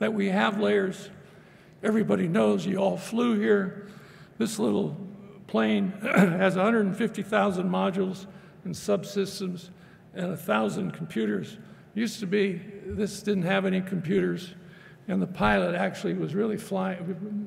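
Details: Adult male speaker; normal speech.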